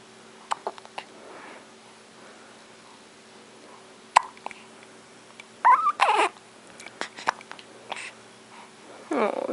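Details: Newborn baby a few days old with hiccups: soft, sharp catches at irregular intervals between small squeaks and fussy sounds in a quiet room.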